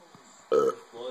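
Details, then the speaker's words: A single short, voiced, gulping belch lasting about a quarter second against quiet room noise, from an adult man deliberately burping for a child; burp. "hey buddy you got it's from the gut you got to get down"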